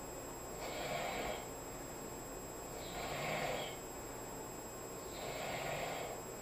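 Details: Roommate asleep on a couch: three regular, hissing nasal snores at about 26 per minute, soft between breaths, over a steady room hum; snoring.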